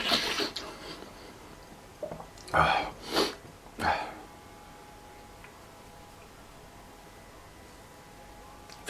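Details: A person with allergies sneezing repeatedly, unable to stop: a burst of about four sneezes in quick succession, then quiet.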